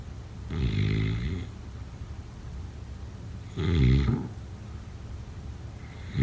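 Deep, rumbling snores roughly every three seconds, about 19 breaths a minute, over background hiss.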